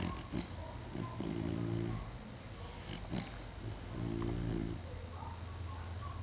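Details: Snoring while asleep.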